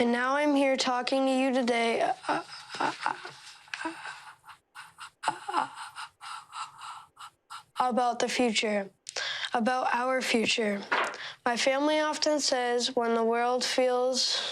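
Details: Adolescent boy giving a speech; stuttering (speech block).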